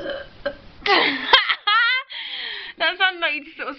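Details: Deliberately burping by trapping air in the throat: drawn-out, croaky voiced belches, one stretched over half a second, mixed with short vocal sounds; burping.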